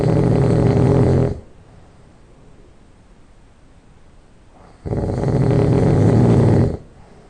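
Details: Loud nasal snoring just after falling asleep: two long, loud, rattling snores of about two seconds each, with a soft breath between and a nasal, vibrating quality.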